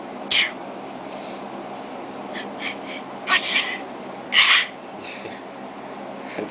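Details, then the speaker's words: Simulated sneezes played from a phone sneeze-prank app, not a real person: several recorded sneeze sounds repeating over steady background hiss; artificial sneezing. "just say start the prank you see that's a prank and it'll keep on playing those sneezing sounds"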